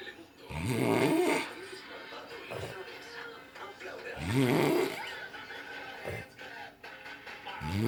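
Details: Sleeper gives two loud, rattling snores about four seconds apart, roughly 15 a minute, over faint Spanish-language television talk and music.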